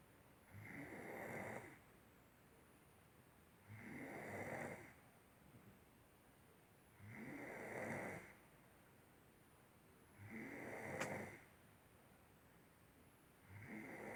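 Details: Snoring during sleep: regular rasping snores about 19 a minute, each lasting about a second, with quiet breathing between, over a steady background hiss.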